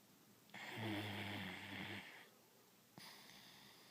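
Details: Dog snoring: a long, buzzing snore, then the start of another breath in a quiet room.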